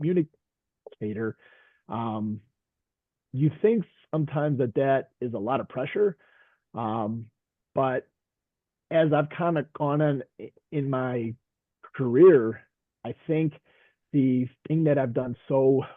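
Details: Stuttering in a man who stutters, a veteran high school coach and special education teacher, speaking in a group session.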